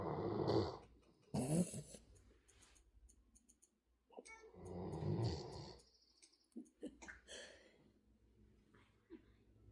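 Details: Giant Schnauzer dog asleep in owner's lap snoring: low, rough rattling breaths at rest, interrupted by short snorts and faint vocal sounds.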